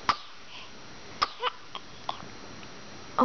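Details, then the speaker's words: About 2-month-old twin girl with hiccups: brief sharp catches recurring at irregular intervals, about five in three seconds, in a quiet room; infant hiccups. "I have the hiccups yes yes those darn act up they don't let you sleep Oh No teenie Oh"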